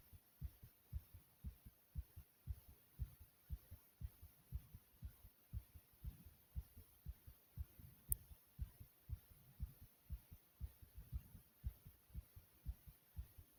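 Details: Fast, regular, strong thumping of the recorder's own heartbeat at about 118 beats per minute: rapid heartbeat (tachycardia).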